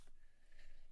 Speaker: sorry I'm catching like a cold due to the season and that's why my voice is sound like this